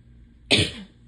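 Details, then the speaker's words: Cough in a person with allergies who is stuffed up, itchy, sneezing and losing their voice, with a hoarse throat for days: one short, dry cough burst in a quiet room. "I'm just like stuffed up and itchy and Sneezy and coughing"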